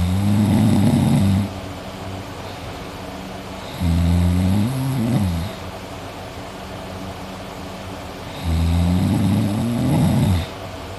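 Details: Person recorded sleeping at night while drooling, with three loud, deep rumbling snores on breathing in about every four seconds and quiet breathing out between; snoring.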